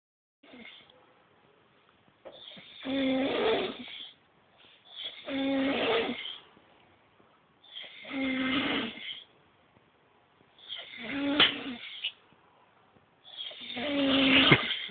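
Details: Loud, rattling snores on each in-breath, about five in fifteen seconds, with quiet pauses between; ordinary heavy snoring from an intoxicated sleeper; snoring.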